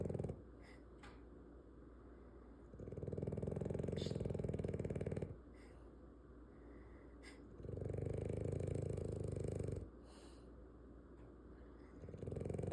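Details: French Bulldog snoring: loud, low, rattling snores about two seconds long with quieter breathing between, roughly 12 breaths a minute.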